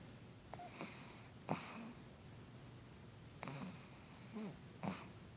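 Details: Sleeping pug snoring: short snorting, wheezy snores in a quiet room, several soft snorts in five seconds.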